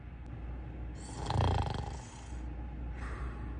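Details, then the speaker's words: A person snoring: low, rumbling breaths with a harsher rasping stretch over steady room noise. "baby he's snoring oh sorry baby now you're snoring sorry it's okay"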